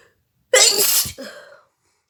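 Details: Sneeze during a nose-blowing and sneezing challenge: a single loud, explosive sneeze with a sharp hissing burst and brief voiced tail; normal sneeze.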